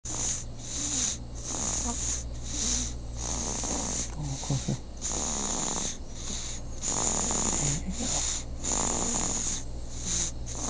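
Steady, whistling, rattling snores, about 30 a minute, over a constant low hum.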